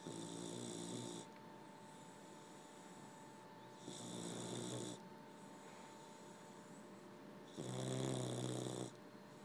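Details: 15-week-old male boxer puppy napping: three rattling snores on inhalation about every 3–4 seconds (roughly 16 breaths a minute) over a steady room hum; snoring.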